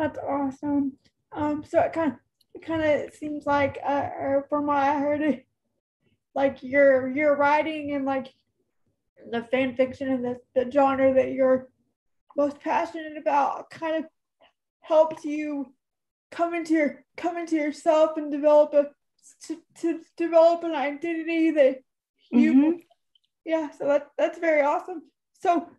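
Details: Adult woman, almost 32, with cerebral palsy who says talking is hard for her: dysarthria (cerebral palsy).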